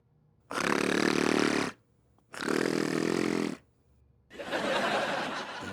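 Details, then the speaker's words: Simulated snoring in a comedy TV episode: an actor sleeping since yesterday makes loud, rough, drawn-out rasping snores with pauses, mistaken for metro digging. "खुदाई नहीं, सुदाई चल रही है। सो रहे हैं, उनके खर्राटे की आवाज है ये।"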